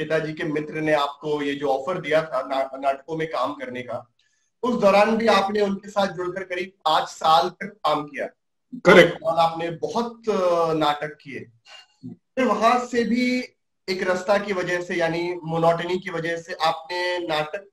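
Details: Adult male interviewer; normal speech.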